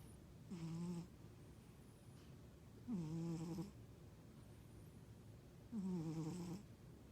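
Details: A cat snoring while asleep: three rhythmic, low, rumbling snores about 23 a minute with quiet breathing between them, at first mistaken by the owner for her husband's snoring; snoring.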